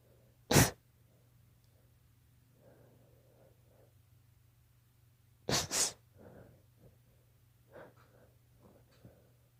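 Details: A single sharp sneeze, then a quick double sneeze, with quiet sniffs and breaths between: a daughter's allergy sneezes.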